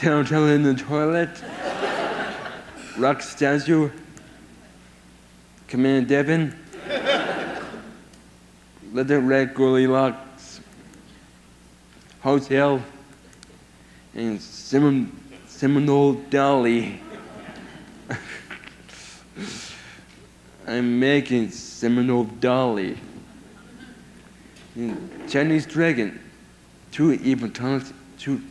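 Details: 22-year-old man with severe autism who lost language at about 15 months and had years of speech therapy; he speaks only a few sentences a day, mostly hard to understand; speech impairment in severe autism.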